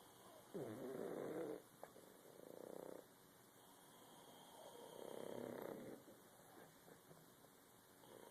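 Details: Exhausted son and two Boston terriers snoring together on his first night home for Christmas: quiet, rough, fluttering breaths in slow cycles, about a second each, faint room hiss.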